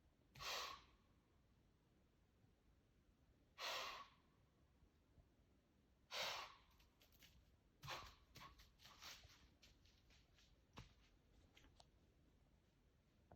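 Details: A deer gives four sharp, hissing bursts of air through the nose, followed by softer puffs and clicks; wheeze (forceful hissing exhalation).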